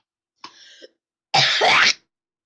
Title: Me doing impressions and coughing and laughing